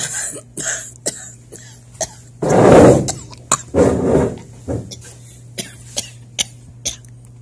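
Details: Imitated cough acted in a comedy skit about having to cough during a test: two loud, muffled coughs and a few smaller throat sounds.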